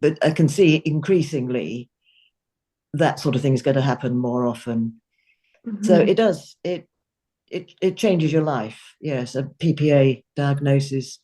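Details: Adult speech, possibly two speakers in conversation; ordinary speech.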